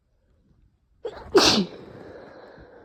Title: tired sneezing fit